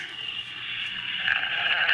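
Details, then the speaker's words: Recording of a dog snoring played back through a small device speaker: a single drawn-out, raspy breath noise, tinny from playback. "snoring that's just unbel this dog is snoring come on that's pretty darn funny"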